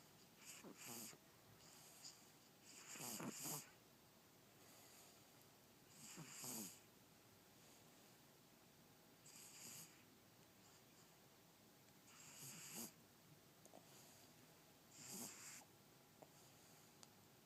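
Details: Baby asleep on a bed: soft snorting, rattly snores in an irregular rhythm, about 20 a minute, over steady background hiss; snoring.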